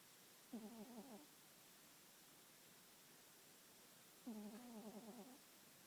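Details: Sleeping cat snoring: soft, wavering, slightly whistling snores about four seconds apart over quiet room hiss.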